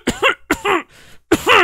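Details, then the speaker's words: Adult cough in a quiet room: three quick, voiced cough bursts, close to throat clearing. "i ever look oh my god excuse me for the cough you hear that"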